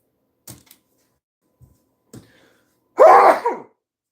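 A few faint clicks and breaths, then one loud, voiced sneeze burst lasting under a second in a quiet room.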